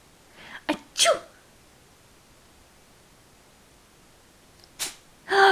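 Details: A Cockapoo dog sneezes on command: two short, sharp nasal sneezes, a pause, then two more; four sneezes in all.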